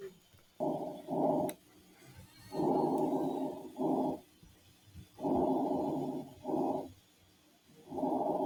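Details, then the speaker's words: Soft, even breath sounds heard through a stethoscope during a head-to-toe assessment, about 22 breaths a minute: normal vesicular breath sounds. "Los ruidos respiratorios normales, denominado el murmullo vesicular."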